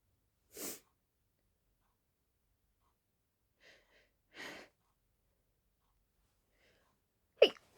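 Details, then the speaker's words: Three forceful sneezes in quick succession, the last loudest, with quiet breaths between, from an adult who thinks they are getting sick and says these are not allergy sneezes; a sneezing fit. "I think I'm getting sick. Those are definitely not allergy sneezes."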